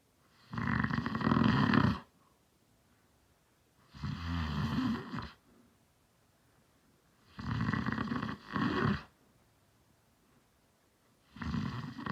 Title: my dad snores